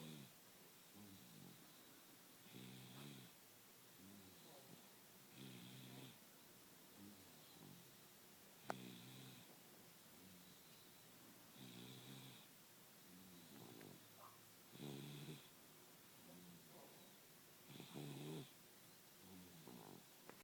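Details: Person snoring during a midday nap: rough, rattling snores about 20 a minute, irregularly spaced, in a quiet room.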